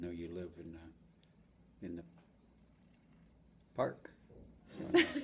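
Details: Patient answering orientation questions with fragmentary, non-fluent, inappropriate speech; global aphasia.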